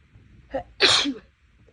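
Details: A brief indrawn breath, then one loud, explosive sneeze, during a series of sneezes that are bigger and louder than usual while the nose has been bothering the person recently, cause unknown.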